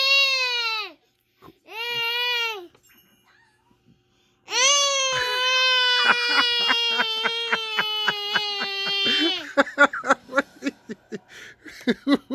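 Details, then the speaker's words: Upset infant crying with real tears during tummy time: loud, sustained wails with catching, sobbing breaths between them; ordinary infant cry. "are you okay now look at these real tears seriously ah damn yes ma'am"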